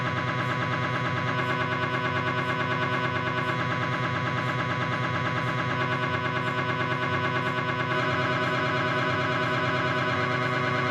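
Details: Knee MRI on a Philips 1.5 T scanner: loud, continuous rapid buzzing and knocking pulses with a metallic, droning tone during an imaging sequence. MRI scanner noise.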